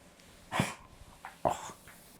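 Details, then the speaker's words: Small dog with intermittent coughing bouts, set off by loose palpation of the trachea, gives two short, harsh honking coughs; a tracheal collapse (goose honk) cough. "little Tula the YouTube Star she has intermittent boats of coughing when I fairly Loosely palpate her wind pipe or her trachea as you'll notice here she's going to"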